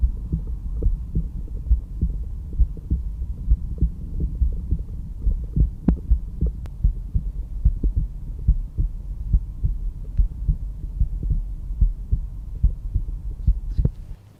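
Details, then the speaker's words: Normal heart sounds, lub-dub, at the pulmonic area, second intercostal space left sternal border, heard with a stethoscope. "The second place we're going to listen to is the pulmonic valve area, which is located on the second intercostal space left of the sternal border. This area corresponds to the pulmonary valve."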